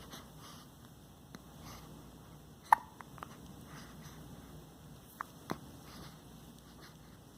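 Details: Baby hiccups: soft room noise with a few brief, sharp catches a few seconds apart.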